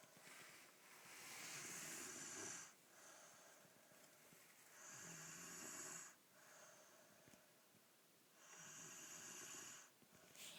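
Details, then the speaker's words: Snoring of a sleeper at a young age, filmed on a camcorder: slow, regular, hissing snores on the in-breath, roughly 17 a minute; snoring. "I've got you on camcorder snoring."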